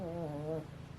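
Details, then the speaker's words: A single low, buzzing, droning snore lasting about half a second from a sleeping female dog, fading into quiet room noise; snoring. "I'm sorry I know you can hear my dog snoring but yeah she's she's loud"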